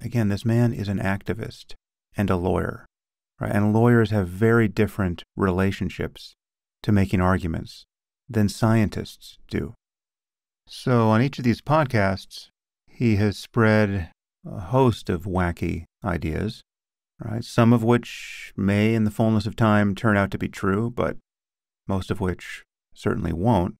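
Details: Adult male speaker; normal speech.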